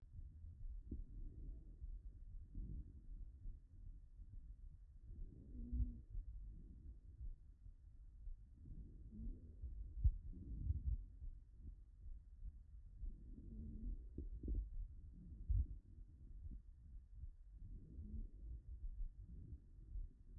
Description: Digital auscultation of Inspiratory Squeaks in a patient with severe Bronchiectasis